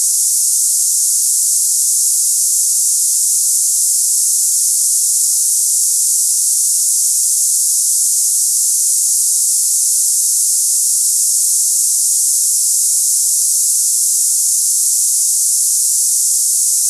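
Steady, unbroken high-pitched hiss like cicadas; a simulated tinnitus sound for comparing with one's own ringing ears.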